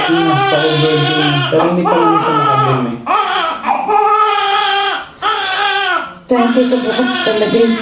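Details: Post-mature newborn just after normal vaginal delivery: loud, sustained crying in repeated bursts with brief breaths between; a vigorous newborn cry.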